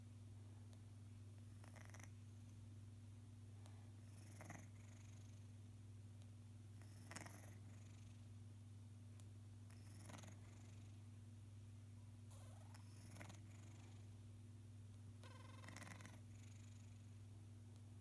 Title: Baby cat snoring with stuffy nose